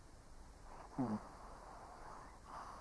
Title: Doggo ASMR - 1 Hour of Snoring Shih Tzu (cute/old doggo sleeping)